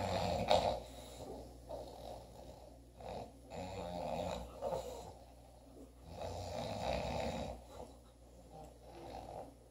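Rough, fluttering breath sounds rise and fall about every 2 to 3 seconds in a quiet room: snoring.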